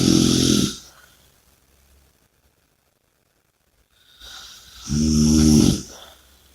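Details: Two loud, rough snoring breaths with a long quiet gap between them; heavy, noisy breathing during sleep, snoring.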